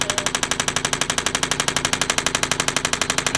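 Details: Shockwave therapy for shoulder pain, medium red tip on shoulder muscle trigger points avoiding bone, pressure around 6 of 10: steady rapid clicking pulses, about 4 per second.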